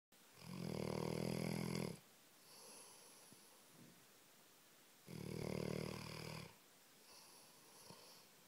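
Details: Labrador dog, a very heavy snorer who sleeps through anything: long, deep rattling snores on each breath in with a quieter breath out, about 14 breaths a minute.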